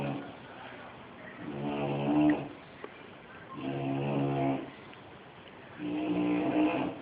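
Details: Sleeping bulldog snoring loudly: rattling snores with each breath in, about 27 a minute, from a flat-faced dog.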